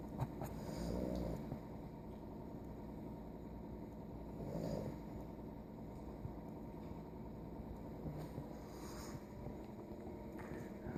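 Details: Low, rough snores about every three and a half seconds, roughly 16 a minute, over steady room noise, from a sleeping pet while his two brothers are awake; snoring.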